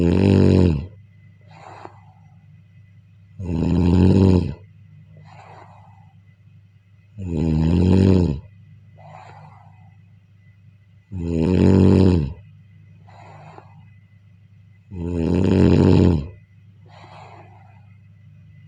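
Loud, rattling snores on each in-breath with softer breathy out-breaths, about 16 breaths a minute, steady and regular.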